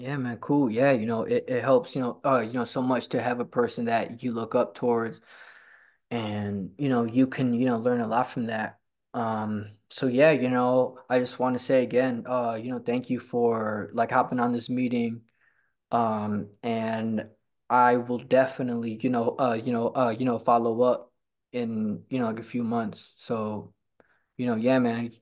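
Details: Stuttering in a person who stutters and attends a stuttering support group, talking with a fellow person who stutters; frequent 'you know' interjections and repetitions.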